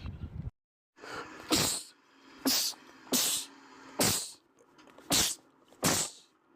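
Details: Male sneezer, part of a compilation of rapid sneezing attacks: six sharp sneezes in quick succession, each preceded by a brief inward breath, a rapid run of sneezes.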